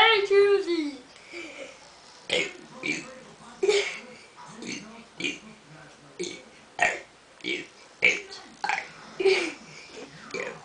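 A child lets out a series of throaty belches amid chatter in a small room; repeated burping.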